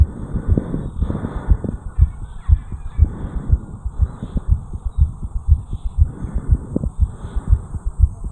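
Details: 34-year-old male after jogging up a flight of stairs, recorded over the mitral area: rapid, regular, forceful heartbeat at about 120 per minute; sinus tachycardia after exercise.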